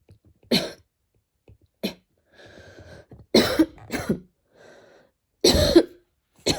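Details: Person coughing while studying, a recurring, annoying cough: about five sharp, dry-sounding coughs with faint breathing between them.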